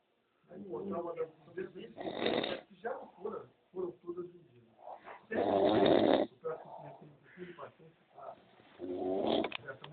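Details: Adult man (the filmer's father) snoring during sleep: two long, loud, rough snores separated by quieter irregular breathing and mouth noises.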